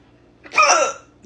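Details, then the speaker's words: A single abrupt voiced gulp, a sudden sharp catch of breath, from an adult who got hiccups after eating a cold burger and drinking diet cola, the first in years; hiccup. "I don't know. I have hiccups. So, I'm just I haven't had hiccups in how long years."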